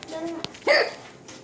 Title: Mommy's hiccups are still funny